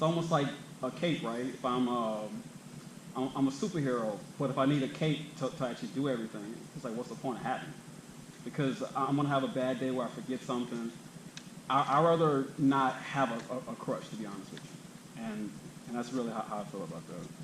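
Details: Man, 32, who has stuttered all his life, with a family history of stuttering in his mother and uncle, who sometimes avoids speaking situations; stuttering.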